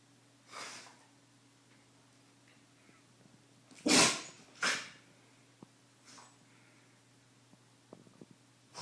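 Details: Several short, sharp nasal sneezes from a Shiba dog, including one strong double burst, with soft snorts between; the owner says the dog has some allergies.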